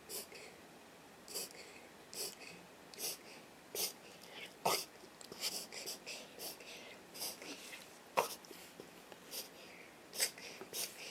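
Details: A dog makes repeated short, hissing snorts in quick succession; the episodes began after the dog was recently boarded: reverse sneezing.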